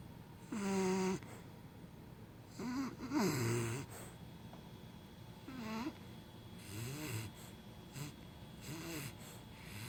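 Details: Irregular soft snores and snorts with brief squeaky, whimpering sounds and quiet between them, from a male who is asleep and dreaming: snoring.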